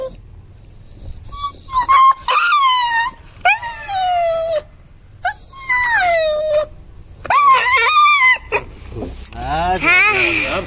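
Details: Young Rottweiler, described as quite sick, held down while receiving an injection, loud repeated high-pitched wails and yelps with people talking over it; pain vocalization, in pain afterward.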